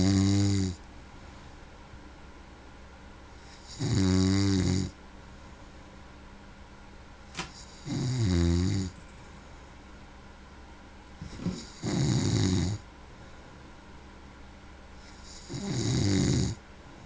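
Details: A man snoring: loud rattling snores recurring about 15 times a minute, separated by quiet pauses; ordinary snoring.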